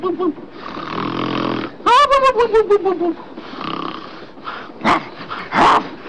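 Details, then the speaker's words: Snoring, presented as one of the main signs of sleep apnea, in which the person doing the snoring does not get a restful sleep either. "did you know that the person doing the snoring doesn't get a restful sleep either snoring is one of the main signs of sleepne"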